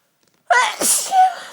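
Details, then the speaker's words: Dust-allergy sneezing set off by a marathon cleaning session: a single sharp, voiced sneeze with a quick rising intake and a trailing vocal sound. "this was set off by a marathon cleaning session"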